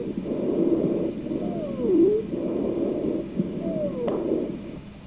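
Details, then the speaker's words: Expiratory wheeze from narrowed airways: breath sounds with high-pitched musical tones on expiration. "so we typically hear wheezing first on expiration and then later on inspiration okay let's take a listen to what wheezing sounds like"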